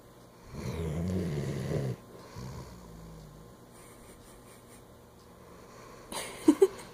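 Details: Snoring in sleep: a low rumbling snore on the breath in, a softer second snore, then quiet, with brief sharp sounds at the end.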